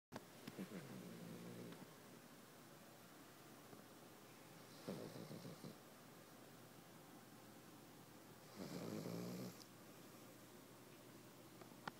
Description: Snoring Cavalier King Charles Spaniel